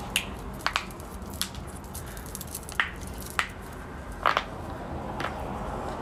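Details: Joint popping (crepitus) from the ankles: several sharp, brief pops and clicks as the ankles move, over quiet room noise.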